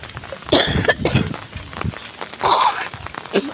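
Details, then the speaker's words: Adult woman walking alone outdoors to the mosque: a few short, harsh coughs with a faint throat-clearing quality over walking background noise: cough. "Bunda lagi batuk batuk pilok."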